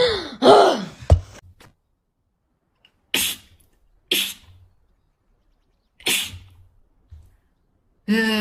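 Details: Young woman, tagged allergies and sinuses: about four sharp, explosive sneezes separated by brief pauses, with a short intake of breath before the first.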